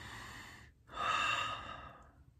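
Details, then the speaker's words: A slow, deep breath drawn in and let out without any cough, from an adult on day 14 of COVID-19 with a lingering cough that is improving. "there see i took a deep breath and i didn't cough this time so that's how i know i'm getting a little bit better or at least feels better"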